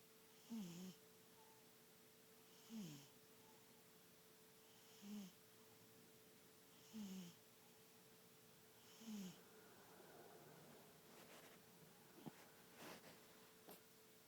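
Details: Light snoring from a sleeping animal, the biggest one of the bunch: five short, squeaky, whistling breaths about two seconds apart, roughly 28 a minute, with a steady hum behind.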